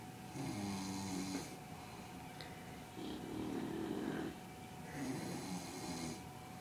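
Alternating rough, rumbling snores from a sleeping dog and an adult, with a steady hum in the room; ordinary snoring.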